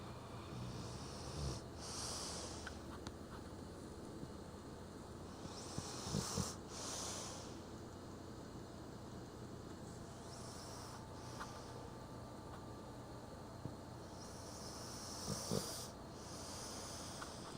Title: Lazy Dog Does The Snoring